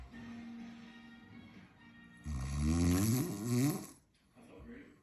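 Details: Snoring: a loud, rough, rattling snore on an in-breath between quieter breaths, faint music in the background.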